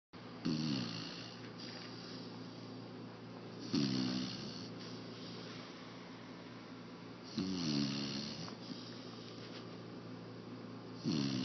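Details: 4½-month-old Labrador puppy sleeping on his back in a lap, mouth open, snoring: low rumbling snores about 17 breaths a minute, each inhalation starting with a throaty flutter.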